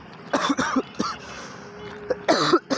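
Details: Adult student with a bad cough that disrupted a Hindi exam: runs of short, harsh coughs in quick clusters with brief pauses.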